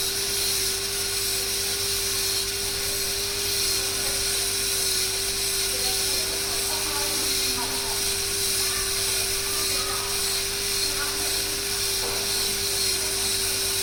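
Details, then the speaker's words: Continuous high-pitched whine and hiss of a dental handpiece with a straight fissure bur, preparing a class 5 kidney-shaped cavity on a maxillary first molar, about 0.75–1 mm deep, to be restored with GIC. "So let's start with the cavity preparation. I'm using a straight fissure bow for this."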